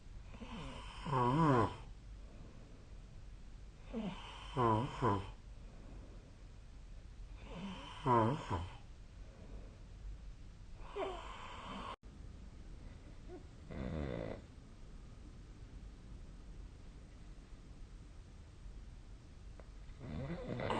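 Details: Sleep snoring recorded with the SnoreLab app on 2025/04/07: loud, rasping snores on each breath in, about every 3 to 4 seconds, fading later.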